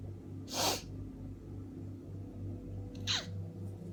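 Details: Two forceful sneezes a few seconds apart over a steady low hum, during a sneezing fit from a cold, with the person tired and bundled up in bed.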